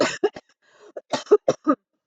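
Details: Run of several short, dry coughs with a brief pause from an adult with swab-confirmed COVID-19, sick for over a month, whose nonstop cough made catching breath hard.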